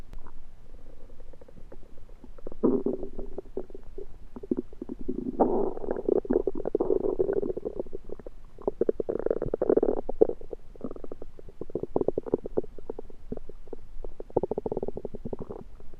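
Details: Active bowel sounds (borborygmi): continuous loud gurgling and rumbling from the belly with bursts of bubbling, recorded after eating a home-cooked meal the person suspects was undercooked.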